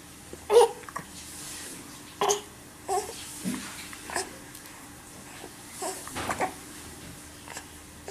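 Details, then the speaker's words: Infant hiccupping during tummy time: short, sharp, irregular catches with small vocal squeaks in a quiet room; hiccups. "Fighting gravity and hiccups. It's a tough battle."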